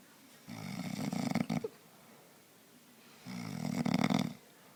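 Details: Husband sleeping, exhausted after a race; two loud rattling snores separated by quiet pauses; ordinary snoring.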